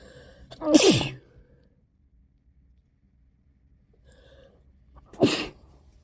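Two sharp, explosive sneezes about four seconds apart, each with a brief inward breath before; quiet room between them.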